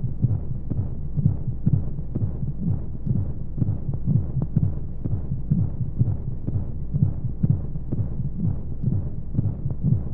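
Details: Womb sound played as a baby sleep aid with white noise: rapid, muffled, thumping heartbeat, about 125 a minute, under a steady low whooshing hum of flowing sound.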